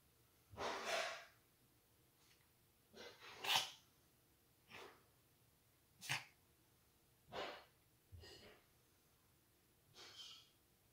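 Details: About eight sharp, hissy sneezes in roughly eleven seconds, some in quick pairs, from a cat that had eaten grass, later found to have a small straw in its nose; repeated sneezing.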